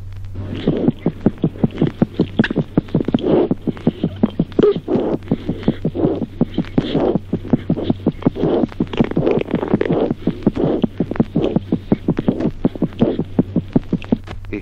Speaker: ejemplo tercero signos auscultatorios normales en el recién nacido